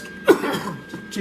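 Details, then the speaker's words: A single short, harsh cough or throat-clearing burst from an adult with a chronic cough due to respiratory issues, while welding in a mask as fumes bothered him. "so but if you hear me go off it's unfortunately it's you'll hear it a lot i have a chronic cough because of the respiratory issues"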